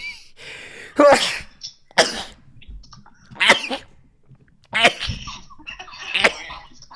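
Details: Male streamer's rapid sneezing fit, which he blames on allergies: five quick, sharp sneezes in about six seconds with short catches of breath between.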